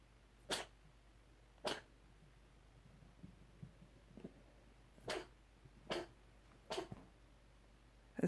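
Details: Series of short, sharp, dry bursts in quick succession over room quiet: a cat's coughing fit, described by the owner as a bad, long one; cough.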